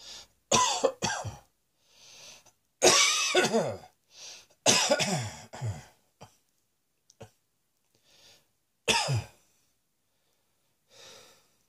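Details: Person lying on a bed, exhausted after prolonged coughing: about five or six harsh coughs in short bouts with quiet breathing between, some clearing the throat.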